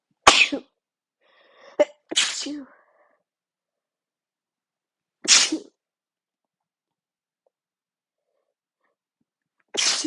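Four sharp, partly stifled sneezes with a short sharp intake of breath before one, spaced over ten seconds: a sneezing fit.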